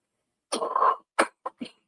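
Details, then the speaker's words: A heavy smoker's coughing fit (coughing jag): a longer harsh cough followed by three quick shorter coughs in a rapid run. "it's it's a coughing Jag my on for about 20 seconds oh if it was coughing yeah I thought it was I was waiting for music I'm doing that all the time"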